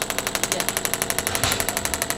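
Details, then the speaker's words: Radial shockwave therapy on the calf of a woman after total hip replacement, about 2,000 pulses per area: fast regular clacking pulses, roughly twelve a second, like a small jackhammer. "And it counts down the pulses that it's doing. So, it only does a certain amount."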